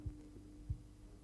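Two soft low thumps about 0.65 seconds apart over a steady hum: Korotkoff sounds heard as the blood pressure cuff is let down.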